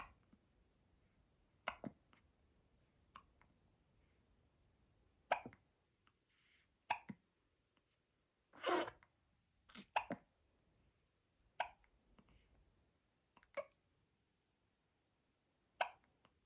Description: 2 week old newborn baby infant gets her first Christmas tree and hiccups!